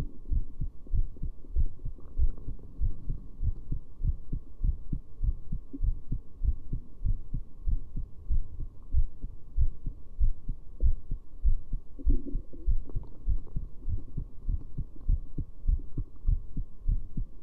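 Steady low thumping heartbeat, about 97 beats a minute, with a constant background hum.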